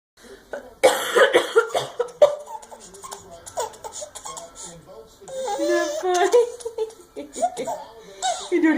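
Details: An adult woman, a mother, gives several sharp cough bursts while her baby giggles and laughs in response.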